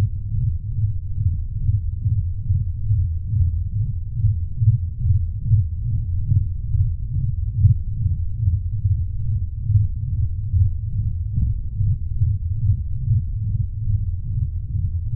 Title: Louder Synthetic Racing Heartbeat ASMRish